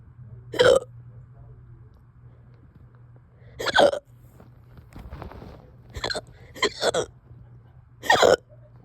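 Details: Typical hiccups persisting over 2 hours, with five sharp, abrupt voiced catches spaced irregularly at about 19 per minute in a quiet room.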